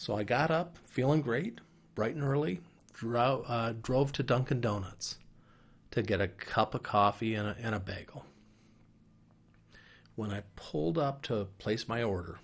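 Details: Adult man, five years after a stroke affecting Broca's area, with a fairly mild case; speech less fluent, pausing to line up the next few words; mild Broca's aphasia.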